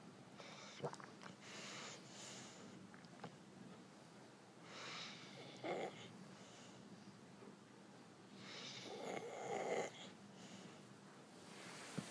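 Quiet breathing sounds with a few short, raspy snorts and breathy snores over room noise: snoring.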